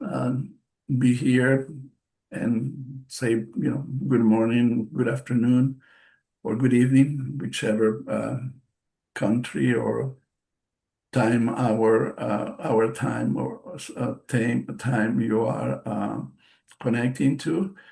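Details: Aphasia after a stroke in March 2020 in an adult male bilingual speaker, a non-native English speaker.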